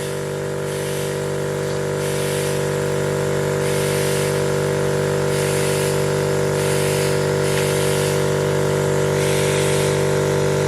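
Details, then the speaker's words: Suction machine running as a young triplet with a tracheostomy and g-tube is suctioned, with saline squeezed in to clear gunk from the inline suction tubing: loud steady motor drone with a rhythmic hiss. "And then basically what I'm doing with this saline is I'm putting it up here and I'm going to squeeze it, but I'm also going to suction at the same time, and it's going to clear out the suction tubing."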